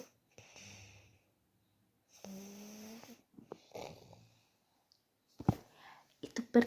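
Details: Irregular snoring, some of it whistling and tonal, from a sleeping child in a quiet room.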